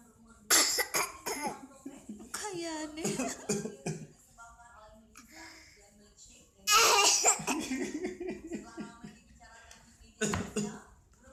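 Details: Several short coughs from an infant, mixed with babbling and laughter in the room.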